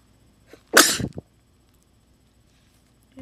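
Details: A deliberately attempted sneeze on camera: a short intake, then one sharp, explosive, hissing burst with a brief trailing sound.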